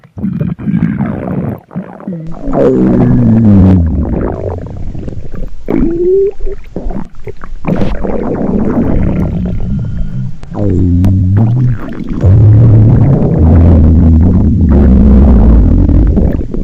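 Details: Loud, hungry stomach growls: long, low gurgling and rumbling with shifting pitch from gas and fluid moving through the gut; borborygmi.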